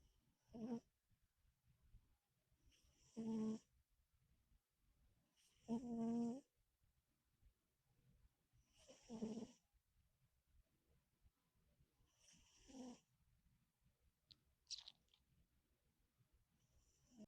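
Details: Soft, irregular snoring from a sleeping cat, about five to six snores spaced several seconds apart, with a small lip-smacking click near the end.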